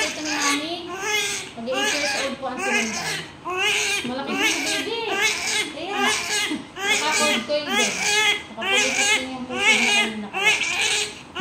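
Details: Newborn baby boy's cry right after vaginal delivery, mother's third childbirth: loud, rhythmic, vigorous crying in repeated bursts, about 70 a minute, in a small room.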